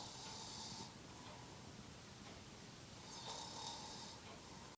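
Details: Adult man (a dad) snoring: two hissing, whistly snoring breaths about three seconds apart, each with a faint tonal edge, over quiet room noise; snoring during sleep.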